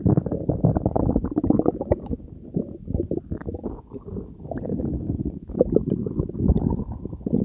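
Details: Continuous low gurgling and rumbling with bubbly bursts, borborygmi from the person's own belly after consuming Diet Coke and Mentos, recorded for ASMR; active digestion sounds.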